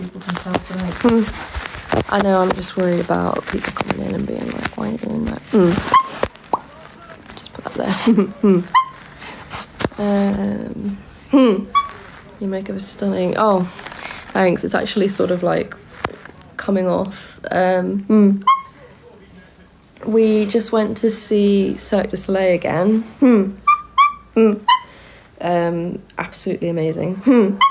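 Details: 24-year-old woman with Tourette syndrome diagnosed at 20, on a really bad tic night with neck straining and tics constantly interrupting her sentences; repeated "Mm" vocal tics; vocal tics (Tourette syndrome).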